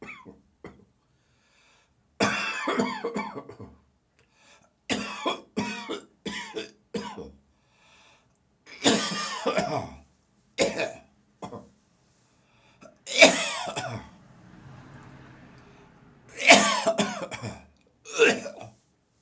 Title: Morning Coughing, Gagging, Spitting and Nose Blowing